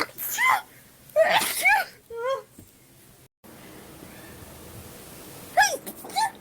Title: girls sneezing rapidly. #16.|| rapid sneeze.